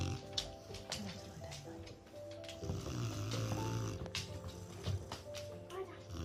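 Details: Sleeping Presa Canario puppy snoring loudly: low, rumbling snores partly masked by background music; ordinary snoring during sleep.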